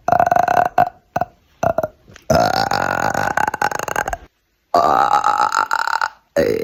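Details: Burping on command: a series of loud, voiced burps, some short and some long and drawn out, made on purpose; voluntary belching.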